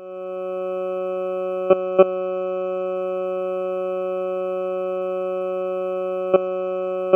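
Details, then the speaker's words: Ceribell rapid response EEG sonified into sound, heard per hemisphere (left or right), in a person not having a seizure: steady flat white-noise hum with a few scattered clicks and chirps, no repeating rhythm. "in a person who is not having a seizure the brain waves sound like flat white noise there may be occasional deflections or chirps but they are not happening in repetitive rhythms"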